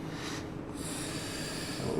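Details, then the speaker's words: Laboured breathing in an acute asthma attack, simulated training scenario: adult woman triggered by a cat, without her reliever inhaler, short of breath 15–20 minutes; respiratory rate 22 per minute, pulse 98. "okay you're actually breathing quite quickly at 22 times a minute your pulse is high at 98 beats a minute"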